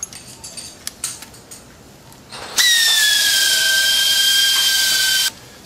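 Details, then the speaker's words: Primary total hip arthroplasty in a woman, S-ROM modular stem: powered calcar miller run after conus reaming, a sharp high-pitched motor whine of about three seconds, pitch sliding slightly down, after quiet room sounds. "So we're now going to use a calcar miller."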